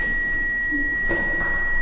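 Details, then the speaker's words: Simulated scene of a sedated patient during a procedure, with frequent PVCs, a run of 13 PVCs, BP 72/44 and heart rate 38: a steady high-pitched cardiac monitor alarm tone keeps going off. "do you not hear that alarm on the heart monitor that keeps going off he just had a run of 13 PVCs"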